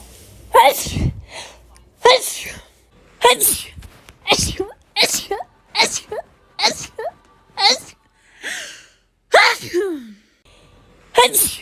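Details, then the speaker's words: Sneezing fit from a rapid-sneeze compilation: about ten voiced sneezes in quick succession, roughly one a second, some with short squeaky vocal endings. "i hate sneezing i hate it right now i hate it other times i don't care but i hate it right now"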